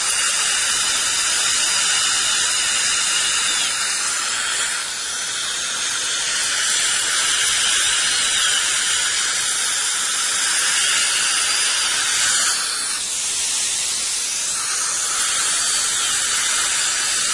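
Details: Steady high-pitched dental handpiece whine with hissing water spray while adjusting a too-tight contact on a replacement bridge, upper left; patient had a loose, roughly 12-year-old bridge with a hidden root infection.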